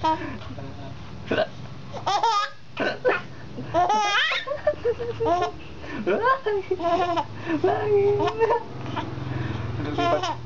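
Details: Baby boy laughing loudly from the belly, broken by sharp, abrupt hiccups, with adult voices nearby; ordinary infant hiccups while laughing.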